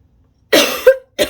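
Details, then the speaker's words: A deliberate, forceful voluntary cough from an adult woman clearing a tickle in her throat, with a second cough starting at the end; she feels her voice fading. "J'ai comme vraiment un chat dans la gorge là. Je vais tousser un bon coup."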